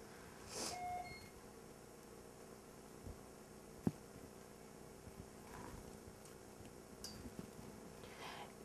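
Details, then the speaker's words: Short electronic beeps with quiet room noise and faint clicks as a Medfusion syringe pump on a pediatric ward is powered on and runs its self-check, before an antibiotic infusion. "You're then going to want to connect to your patient after um cleaning the hub for 15 seconds with your alcohol and power the pump on. It does take a few minutes for the pump to do the self checks."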